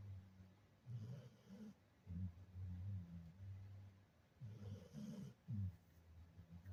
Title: snoring while taking a nap. 😂❤️😂❤️